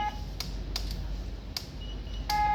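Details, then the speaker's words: Biphasic defibrillator (maximum about 200 J) being charged in a training demonstration: energy-selection and charging tones sound after gel is applied to the pads, before the shock button is pressed. "habis itu kita charge charge-nya bisa pakai tombol ini juga ya"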